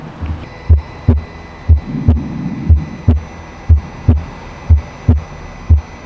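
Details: Simulator, about 60 beats a minute: S1, a small crescendo-decrescendo midsystolic murmur, then S2 split into aortic and pulmonary parts with the same gap whether the patient inspires or expires.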